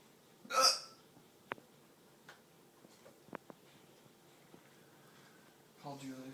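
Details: Hiccups in a man who is also burping and complaining of chest pain while buying movie tickets: several short, sharp clicks in a quiet room, with a brief noisy burst first and a faint voice at the end.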